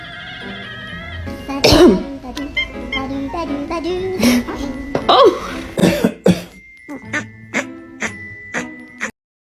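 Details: A person coughing and clearing their throat near their cat: several sharp coughs and throat-clearing bursts, then a short run of clipped coughs, with music playing behind.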